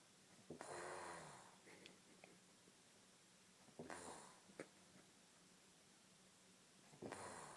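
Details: Elderly Dominican woman snoring: slow snoring breaths in a quiet room, about one every three seconds, with rough fluttering on each breath in.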